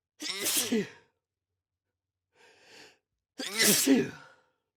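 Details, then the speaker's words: Two loud voiced sneezes with a soft breath between them; repeated sneezing, leaving the person lightheaded and dizzy. "That will most definitely leave me randomly sneezing throughout the next few days."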